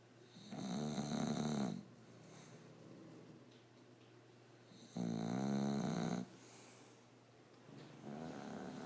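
Loud, rattling snores on each breath in, about 13 a minute, with quieter breathing between them. Typical snoring from a flat-faced dog.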